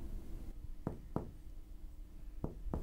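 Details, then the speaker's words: Finger percussion of the abdomen during an abdominal exam, going through the nine regions starting away from tender areas: four soft hollow taps giving a resonant note, the usual finding over gas-filled bowel. "the bowel usually makes the abdomen diffusely resonant but this can vary a full bladder will sound stony dull in the suprapubic region fecal loading in the descending colon will be dull as will any intra-abdominal neoplasm"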